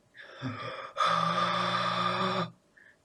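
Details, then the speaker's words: Imitated stridor, made by voluntarily closing the glottis and inhaling forcefully: a high-pitched, harsh tone, as produced when airflow passes through a narrowed airway in upper airway obstruction. "se produce un sonido conocido como estridor es un tono agudo y rudo lamentablemente de este no pude encontrar el sonido se le puede imitar cerrando voluntariamente la glotis e inspirando enérgicamente"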